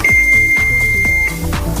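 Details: A steady high electronic beep lasting just over a second as an automated external defibrillator is switched on during a CPR demonstration, over background music.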